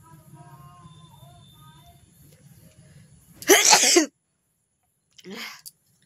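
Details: One loud explosive sneeze and a second smaller sneeze a second later in a quiet room with faint music; deliberately induced sneezing in a sneezing challenge, with watering eyes.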